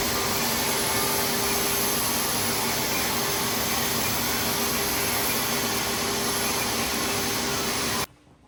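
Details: Steady loud rushing suction noise of a smoke evacuator running during a CO2 laser facial resurfacing treatment on an adult woman with a history of melasma, after numbing, stopping abruptly at the end.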